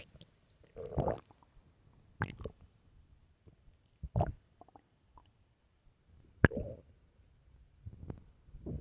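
Intermittent low gurgles and squelching rumbles with quiet gaps; ordinary stomach growling.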